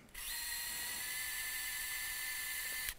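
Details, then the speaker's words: Power wire driver advancing a DynaNite nitinol FlexWire across the second metatarsophalangeal joint to expand the implant barbs during hammertoe correction; a steady high-pitched motor whine for about three seconds. "so at this point we are going to advance the wire to expand the barbs in the proximal end of the implant across the second metatarsal phalangeal joint"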